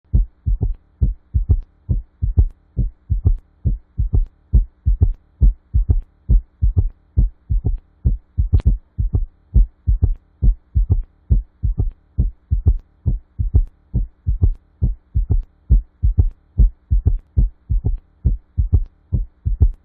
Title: S3 Gallop Heart Sound - Tiếng tim ngựa phi - Tiếng tim T3